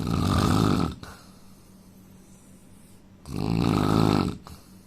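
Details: Man snoring: two loud, rattling inhaled snores separated by a quiet pause, roughly 25 breaths a minute; ordinary loud snoring.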